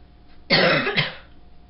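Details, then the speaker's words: Adult's double cough, two quick bursts in a quiet room, from lung congestion during a lingering illness; the low fever broke overnight and the cough is milder than a previous one. "but my cough that I have is not at all as bad as my last one this cough is actually from congestion being uh in my lungs in my chest not my chest more my lungs more my lungs"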